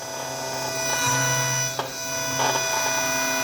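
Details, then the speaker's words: Dental implant osteotomy on a 3D-printed patient model, final drill run very slowly to the stopper at bone level: steady high whine with brief pauses, soft music behind. "Next we take the final drill. Lock it into position and again go back, and we go to the osteotomy site and go very slowly"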